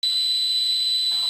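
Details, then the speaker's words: Simulated tinnitus of the cicada- or cricket-like type: steady high-pitched buzzing hiss with shrill tones covering a broader frequency range than the typical pure high tone. "Y luego está el tipo de sonido, está el típico muy agudo, muy tonal, también el que suena como chicharras o grillos, que abarca un espectro más amplio de frecuencias."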